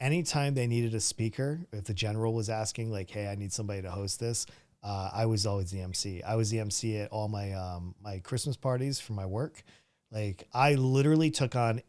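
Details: Adult male speaker; Normal conversational speech.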